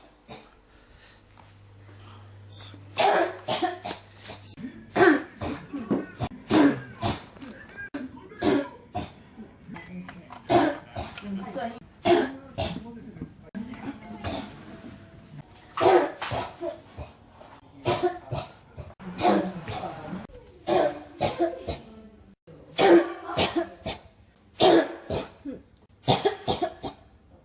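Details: Persistent cough that won't stop: repeated bursts of coughing with throat clearing continue with little pause throughout.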